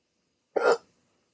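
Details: A single abrupt, sharp hiccup in silence, part of a rare 16-minute hiccup attack after waking from sleep with a CPAP mask used for sleep apnea.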